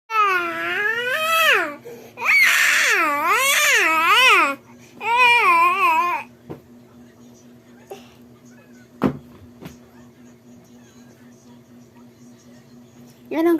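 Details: Young child crying loudly in wailing bursts for about six seconds, then quieting, with a low room hum.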